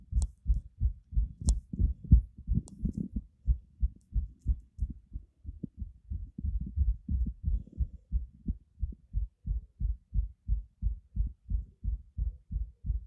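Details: Very fast, regular low heart thumps at about 185–190 beats a minute, a marked tachycardia, heartbeat visibly pounding.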